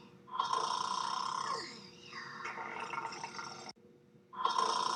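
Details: Two people snoring in bed at a hotel: rough, rattling snoring sounds while breathing in, separated by a brief pause.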